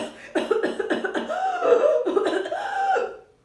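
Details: An acted imitation of whooping cough (Bordetella pertussis): a paroxysmal run of rapid coughs ending in drawn-out, high-pitched gasping inspiratory whoops.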